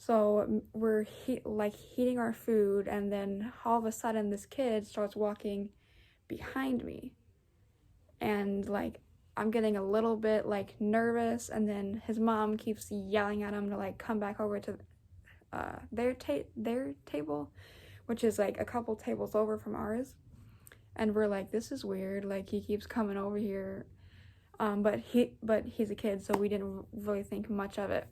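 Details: Young adult woman with diabetes who uses an insulin pump; stuttering.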